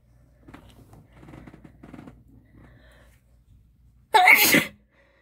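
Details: Female demonstrating deliberately wet, spraying, messy sneezes: soft breathy build-up with small catches, then one loud, wet, explosive sneeze.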